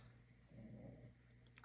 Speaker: He's snoring up a storm, isn't he?